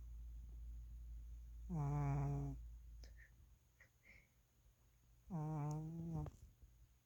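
Two loud, low, rumbling snores on breathing in, separated by quiet breaths out; ordinary snoring in a sleeping cat.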